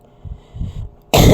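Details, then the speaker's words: A single loud, harsh cough from an adult woman who says she has been coughing a lot, after a moment of quiet breathing sounds. "this disperas na po ng Pasko guys so pasensya na po mga palangga inuubo talaga ako."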